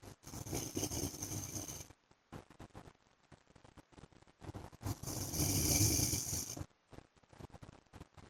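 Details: A husband's snoring during sleep: two long, harsh, noisy snoring breaths separated by quieter breathing, with rustling in the room.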